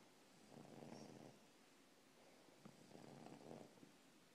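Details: English Bulldog snoring while asleep: two soft, rough, rumbling breaths over about four seconds, with a rattling snore on each breath.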